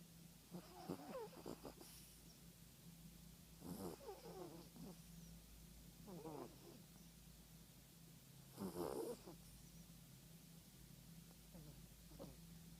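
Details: Yorkshire terrier snoring in sleep: irregular, soft, snuffling snores with a fluttering rattle, quiet and uneven, against room hum.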